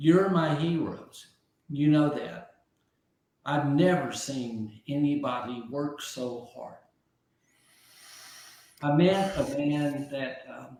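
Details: Aphasia in an adult man after a stroke about 15 months earlier; at first he could not be understood at all, and he has since relearned over 20,000 words.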